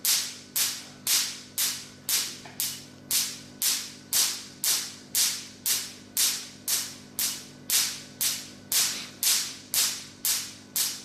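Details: Steady crisp snapping pulses, about two per second, over a low machine hum from a Q-switched Nd:YAG laser firing repeatedly; Q-switched Nd:YAG laser firing.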